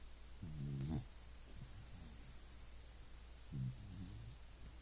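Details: Low, rumbling snoring breaths a few seconds apart over steady room hum, from Leia, a pet, while sleeping.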